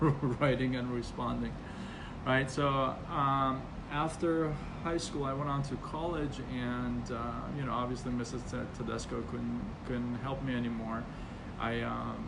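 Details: Stuttering in an adult man, onset around age six, persisting though reduced after speech therapy.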